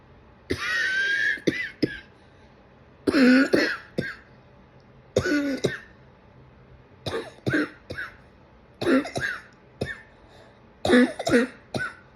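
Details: An adult gives a run of harsh coughs and throat-clearing bursts, about a dozen over twelve seconds.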